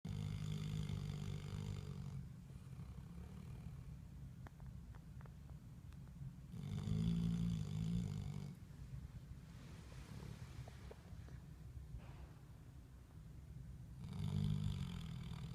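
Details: Snoring lab after a good day: three low, rumbling snores about seven seconds apart, roughly eight to nine breaths a minute, with quieter breathing between; steady snoring.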